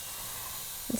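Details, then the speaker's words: Continuous airy hiss of Yankauer oral suction ending in a brief gurgling slurp, clearing secretions from the mouth of a training manikin in a simulated respiratory distress scenario with coughing, gagging and gurgling. "I'm just going to suction your mouth again mrs. Murphy open your mouth for me"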